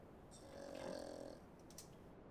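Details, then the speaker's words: Snoring from a sleeping pug, small flat-faced dog, recorded during a painting session: one rattling, slightly tonal snore lasting about a second, then quiet room noise. "Yeah, the pug snoring, if you can hear that. I'm assuming you can. Things going up more when he really gets a good snore in there."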